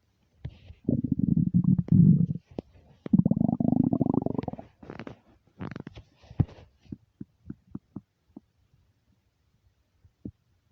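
Loud, long gurgling rumbles followed by a run of short popping gurgles; hunger rumbling of the stomach, a normal finding.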